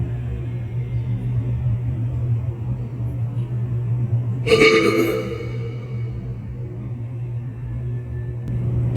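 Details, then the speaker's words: A person doing a solo burping contest with soda lets out their first burp: one loud, drawn-out voluntary belch lasting about a second over a steady low room rumble; burping. "was my first burp second I gotta give my stomach a little sec to I don't know just digest I guess"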